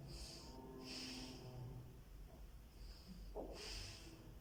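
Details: School-age girl on stethoscope auscultation, breathing in and out through the nose on instruction: soft, even breath sounds with no wheeze or crackles, normal breath sounds.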